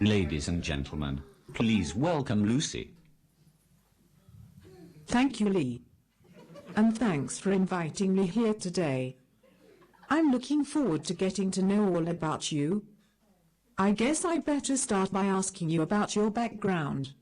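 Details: Speech-generating device; Synthetic speech from a text-to-speech communication aid.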